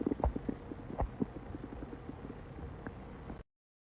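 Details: Male stomach growling: steady low rumbling with rapid bubbling gurgles for about three seconds; ordinary borborygmi.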